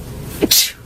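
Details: Female sneezing compilation: single sneeze, a brief voiced catch followed by a sharp, hissing burst of air.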